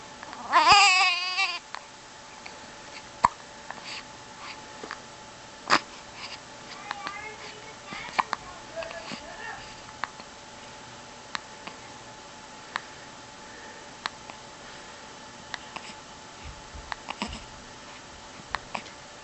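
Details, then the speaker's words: Baby girl with hiccups: brief infant fuss, then repeated sharp short clicks at irregular intervals, about a dozen over twenty seconds. "you have the hiccups, baby? I'm sorry."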